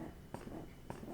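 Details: Soft rhythmic pulses, about two per second, over quiet room noise: Ardo Alyssa breast pump running in massage mode, level one, cycling through settings; breast pump running.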